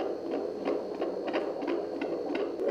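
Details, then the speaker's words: Normal fetal heartbeat on Doppler at a prenatal visit, 37 weeks of pregnancy with a baby girl who is moving: rapid, regular whooshing pulses with a steady normal rhythm. "muito bom saber que tá tudo bem que ela tá mexendo com o coraçãozinho tá batendo direitinho muito emocionante"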